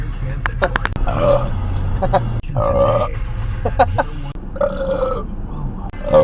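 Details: Person burping while driving: several long, loud, voiced belches in a row over car engine noise.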